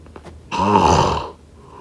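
One loud, rough, vibrating snore lasting under a second; a single snoring breath.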